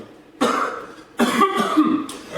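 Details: Two harsh, forceful cough bursts, the second with a few rapid repeats, after inhaling blunt smoke.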